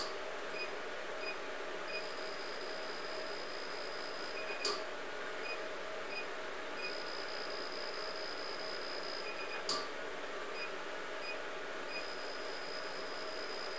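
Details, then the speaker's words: Fractional CO2 laser treating enlarged facial pores at energy 6, handpiece held perpendicular and flat on the skin, repeating over the worst areas: steady hum with repeated high-pitched beep bursts and occasional clicks. "好，接下来我们做面部毛孔粗大的位置和右侧毛孔粗大的位置用的能量是一样的，现在能量是6。我们的取景器要垂直贴平皮肤。我们将问题严重的部位再进行操作。"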